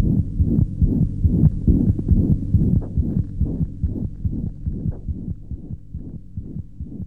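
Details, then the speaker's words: Heart auscultation in a paediatric teaching recording: rapid regular heartbeat with a hollow whooshing sound between beats: systolic heart murmur. "murmurs can be diastolic or systolic can you hear this hollow systolic murmur"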